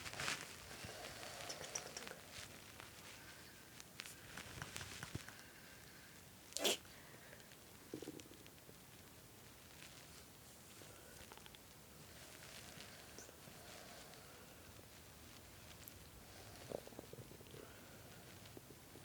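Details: Adult man's hunger stomach growling while playing a game, heard with the listener lying on his belly: quiet gurgling and rumbling bowel sounds with a few sharper squelches.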